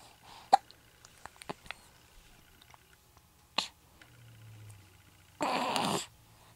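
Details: Hiccups first thing in the morning in a young girl: a few sharp, brief catches of breath with a louder noisy burst near the end.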